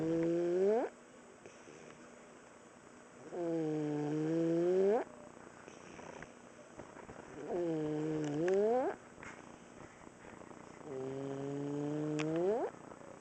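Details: Boy almost 5 years old with laryngomalacia, asleep: loud, high-pitched crowing on each in-breath, worse at certain sleeping angles, less frequent than before; inspiratory stridor.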